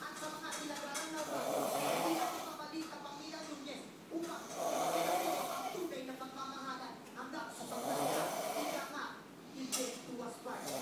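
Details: Loud, rough, fluttering snores repeating about every three seconds, roughly 20 a minute; ordinary snoring.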